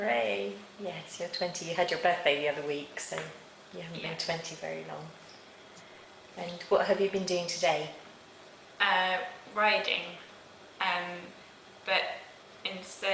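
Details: Adult woman speaking, with a second speaker answering briefly; typical adult speech.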